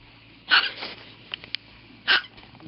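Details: Baby boy with hiccups: two sharp, brief voiced bursts about one and a half seconds apart, with faint clicks between; hiccups.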